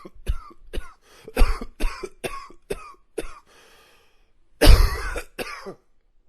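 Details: Run of about eight short, harsh coughs, a pause, then one loud cough and a final smaller one.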